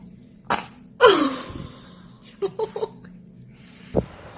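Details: Infant sneeze: a short breath, then a sudden explosive sneeze, followed by small vocal sounds and a second brief burst.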